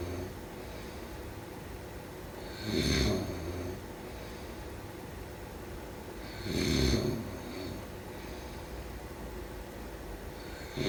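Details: Two snorting snores about four seconds apart, around 15 a minute, over steady hiss and room noise; snoring during sleep.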